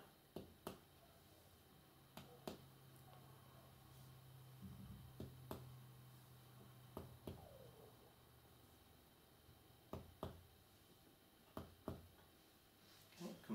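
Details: Posterior chest percussion on a simulated patient, tapping intercostal spaces beside the vertebral column from the upper back through mid-scapula to the bases: paired sharp taps giving a normal resonant note.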